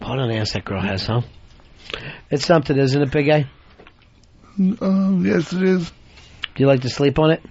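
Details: Adult male speakers, radio studio; Typical voice.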